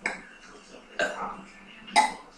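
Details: Burping contest: three short, abrupt throaty burps about a second apart in a quiet room; ordinary belching.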